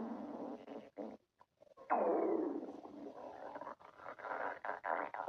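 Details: Stomach growling: a long, drawn-out gurgling growl with a falling pitch, then softer rumbles; normal borborygmi.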